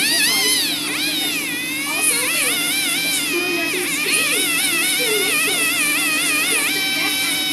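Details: High-pitched, wavering dental drill whine rising and falling in pitch as the dentist drills and polishes a newly placed tooth filling to remove excess and rough surface, preventing grinding.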